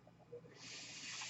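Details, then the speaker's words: Breath delivery by the speaker's own mechanical ventilator at the close of a spoken podcast recording: a soft murmur gives way to a steady rushing hiss of air. "name is that noise you're hearing is my ventilator"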